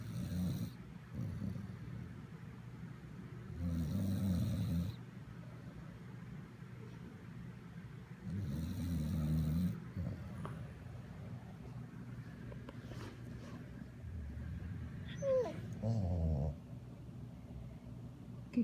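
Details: Max snoring: low, rattling snores every four to five seconds, about 13 a minute, with quiet breathing between them.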